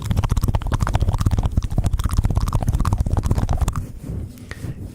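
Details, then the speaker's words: A live ASMR streamer reporting "tummy troubles" and an imminent stomach malfunction has low, gurgling abdominal rumbling in rapid irregular bursts. These are stomach rumbling (borborygmi). "Did you hear that? That is a sound of an angry stomach. Someone is asking for a time out."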